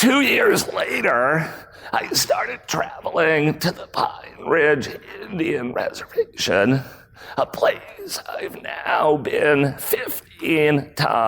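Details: Adult male with spasmodic dysphonia, a rare voice disorder acquired in 2010; throat muscles spasm and contract when he talks, sometimes making speaking difficult; real speech from a keynote talk.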